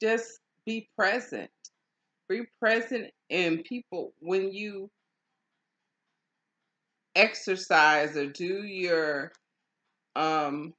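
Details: Adult woman in stroke and aphasia recovery; aphasia after stroke.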